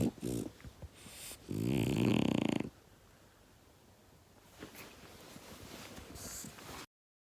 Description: This snoring French Bulldog may be preventing his human from napping, but he sure isn't losing any sleep over it.